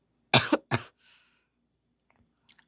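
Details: A caregiver's adult cough during a pet Dutch rabbit video recorded at 6:44 a.m.: two short, sharp bursts in quick succession, then a quiet room.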